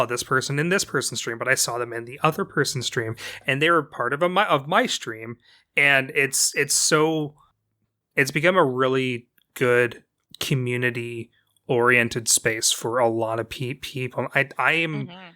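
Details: Stuttering (dysfluency) in an adult woman with a self-described speech impediment, who has difficulty getting past sentences or phrases and elongates vowels.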